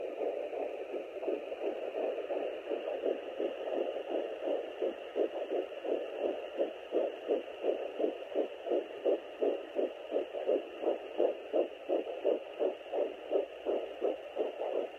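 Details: Fetal heartbeat at 9 weeks 7 days on a Sonoline B fetal Doppler: fast, regular whooshing pulses at about 170 a minute over a steady hiss.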